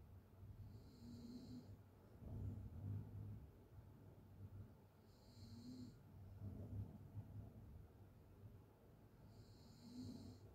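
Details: Open-mouth snoring in a sleeping adult: quiet, low rumbling snores with each breath over faint room hiss.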